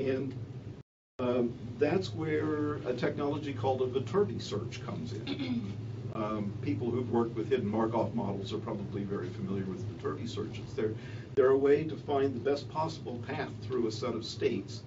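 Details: Adult man speaking; ordinary speech.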